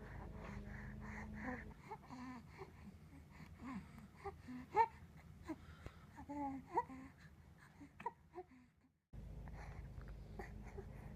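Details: Infant boy with stridor gives noisy, squeaky, high-pitched breathing between fussing; the cause is not yet known, as no tests have been done so far.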